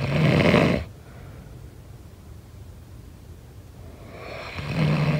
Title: SNORING SOUND